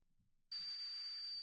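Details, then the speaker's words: Simulated tinnitus, hissing type, played from an app among examples of tinnitus sounds: a sudden steady high hiss with a thin whistling tone. "이런 히싱 소리도 있고,"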